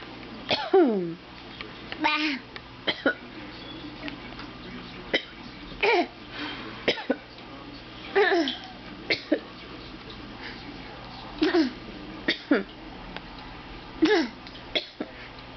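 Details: Young child producing a deliberately faked cough: a series of short, forced, voiced coughs.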